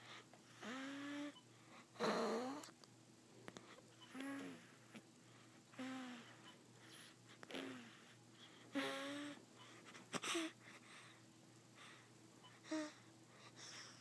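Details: Slow, whistling, squeaky breaths at about nine a minute during sleep, over a steady room hum, from a sleeper who then drools: snoring.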